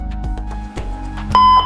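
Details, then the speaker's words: Defibrillator charging tone during resuscitation training: after energy selection for ventricular fibrillation or pulseless ventricular tachycardia, the charge button is pressed and a loud steady electronic tone starts over background music. "Şarj işlemi için deflatör üzerindeki şarj düğmesine basın"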